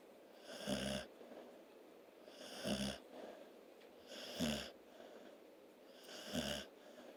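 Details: Sleeping dog and kitten: regular raspy, whistling snores, about 31 a minute, with faint hiss between breaths; snoring.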